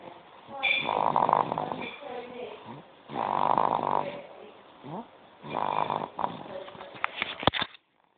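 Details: A man snoring: three long, rough snoring breaths about every two and a half seconds, with quieter breathing and a few clicks between them.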